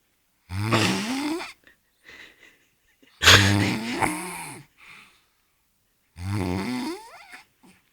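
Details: Person asleep: three loud, drawn-out rattling snores with quiet gaps between breaths; snoring.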